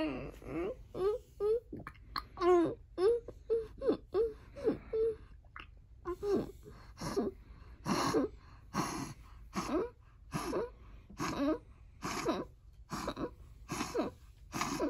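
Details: Tonic seizure vocalization in a child with epilepsy: repeated moaning, wailing cries with gasping breaths and pauses, about 24 a minute.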